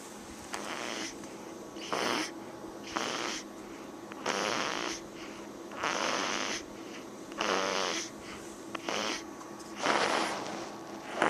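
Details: Rough, fluttering snores repeating about every one and a half seconds, roughly 40 a minute, against quiet room noise; snoring.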